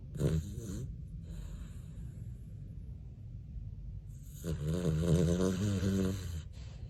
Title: Caugh snoring #snoringdog #sleepingdog #dogsofttiktok #poodlesoftiktok #dailydoseofpoodle #snor...